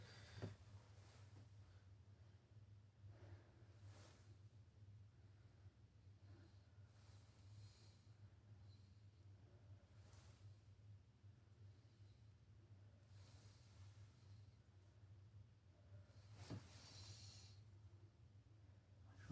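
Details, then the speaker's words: Female subject, respiratory rate 16, deep mouth breaths through a stethoscope during a student respiratory exam: soft, even normal vesicular and bronchovesicular sounds, normal intensity, no wheezes, crackles or rhonchi. "Her lung sounds are appropriate in for the lo for each location. The intensity during inspiration and expiration is appropriate. No ron high wheezing or crackles."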